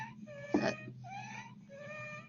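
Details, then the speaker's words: Child with croup, described as swelling in the airway: long, high-pitched squeaky whistling on breathing in, then a louder voiced burst; called wheezing and inspiratory stridor. "okay you hear that that's wheezing that strider also coming up that's all the noise that's squeaking by"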